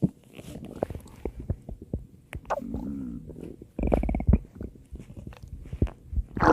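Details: Stomach growling (borborygmi): low gurgling rumbles and squeaky bubbling sounds from the belly.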